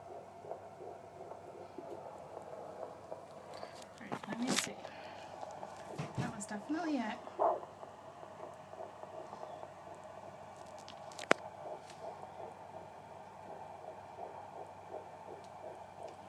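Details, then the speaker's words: Fetal heartbeat heard on a home fetal Doppler for the first time: fast, steady whooshing pulse in the 150s per minute, judged perfect, with the mother's slower heartbeat and tummy rumbling also picked up. "you hear the heartbeat, honey? It's in the 150s. It's perfect."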